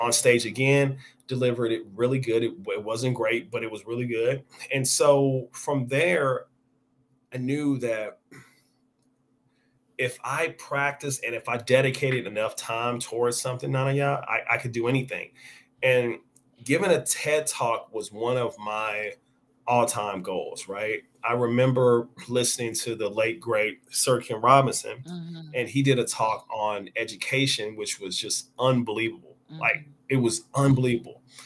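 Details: Stuttering in an adult man with onset at age five or six, persisting and audible over extended conversation; this stretch has word and phrase repetitions; real speaker; finding: stuttering.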